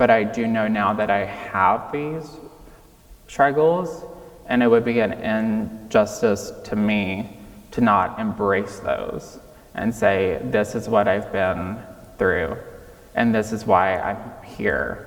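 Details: 26-year-old man with childhood apraxia of speech, diagnosed at age five, nonspeaking until age five, treated with speech therapy five times a week; childhood apraxia of speech persisting in adulthood.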